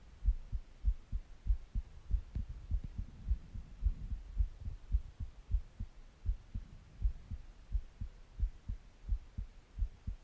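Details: Heartbeat recording with breathing sounds: regular paired low thumps at about 100 beats a minute with faint breathing noise in the background; normal heartbeat.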